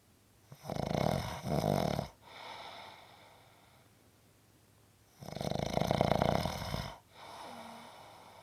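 Two loud, rattling breaths in, each followed by a softer breath out: snoring from vibrating throat tissue.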